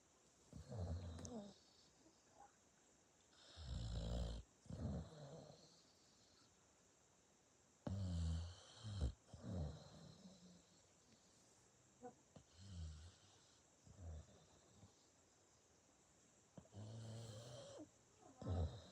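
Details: Sleepy dog snoring: low, rumbling snores with soft snorts, coming irregularly about every four seconds, roughly 15 breaths a minute, in a quiet room.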